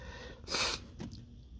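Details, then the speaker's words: Male with dust allergy sneezing at a dusty workplace, allergies flaring today, a big sneeze: one loud explosive sneeze followed by a softer snort-like breath, with quiet room noise. "hey that was a big one I think a big one"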